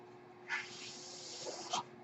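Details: Speaker's own mechanical ventilator, heard in the background while the user talks during a podcast recording; a mechanical ventilator breath cycle.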